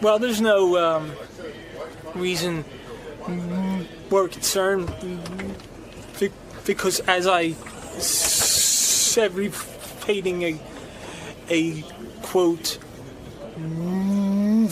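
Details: Adult man who stutters, saying his stutter comes in ebbs and flows; stuttering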